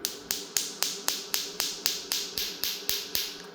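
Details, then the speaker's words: Chattanooga shockwave therapy device demonstrated in a clinic office, fired without gel with the shot counter running: sharp, regular snapping clicks, about 230 a minute, as the wand fires pulses in open air. "push the button you can hear it engaging the fan cuts on and then you can see the shot counter continues"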